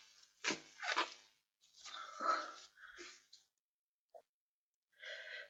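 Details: Person with a cold: gasping build-up breaths followed by several forceful, wet-sounding sneezes in a quiet room; repeated sneezing.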